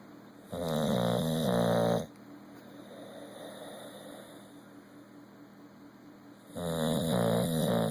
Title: Bulldog Geno snoring